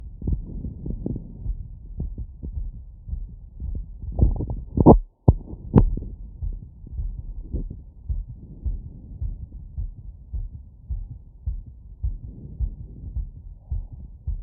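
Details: Fast, regular heartbeat thumps heard with a wireless stethoscope over the cardiac valve areas (pulmonic, aortic, Erb's point) after running; normal heart sounds after exercise.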